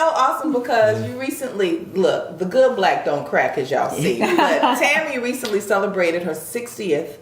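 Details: Adult woman speaking; no disorder.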